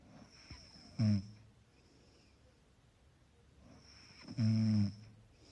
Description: Soft snoring background sound track. Some people would like to create an environment prior to sleeping.